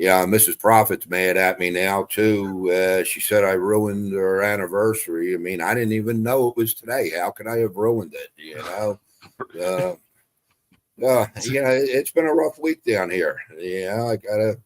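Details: Adult male speaker; Normal voice.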